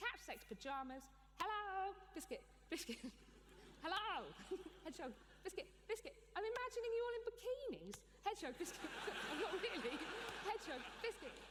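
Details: Adult woman with Tourette syndrome, a neurological condition causing involuntary movements and noises; frequent repeated-word vocal tics, occasionally obscene (coprolalia); Tourette syndrome vocal tics.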